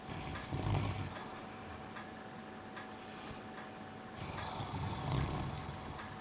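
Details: Piran snoozing on his bed, May 2013: two low, rumbling snores a few seconds apart over steady background hum and faint ticking; loud snoring.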